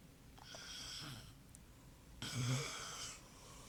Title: snoring